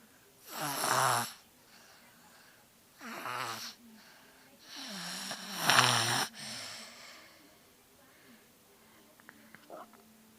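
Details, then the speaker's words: Female with a cold: irregular loud rasping snores, about four in ten seconds, some with a whistling edge; congested snoring attributed to the cold. "coitadinha, por causa que ela tá resfriada. Roncando pra caramba por causa do resfriado."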